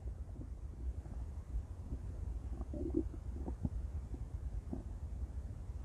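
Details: Loud stomach growling from a female: low rumbling with scattered gurgles and brief squeaks over a steady low background hum. Normal bowel sounds.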